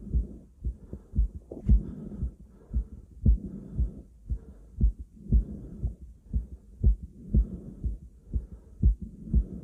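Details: Self-recorded stethoscope on own chest: steady, regular normal heart sounds with loud, heavy breathing noise swelling in and out underneath.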